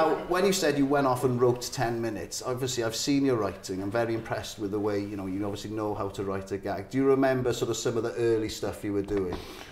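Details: Adult male; normal speech.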